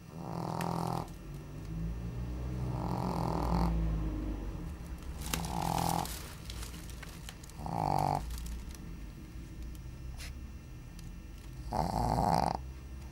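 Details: Shih Tzu dog sleeping on the floor during a heat wave: loud, low, rattling snores every two to four seconds, some with a snorting quality; snoring.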